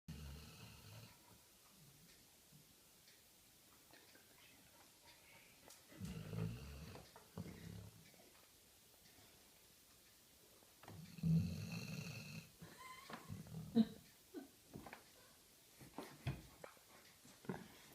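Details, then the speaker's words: White dog asleep near people eating at a table, giving low rumbling snores that recur irregularly, with room noise and faint voices. "Che sta russando, buono, buono. Che sta a dormire."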